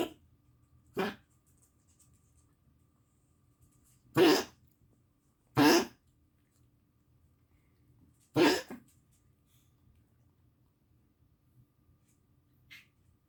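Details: Dog coughing in a quiet room: four short, harsh coughs at irregular intervals.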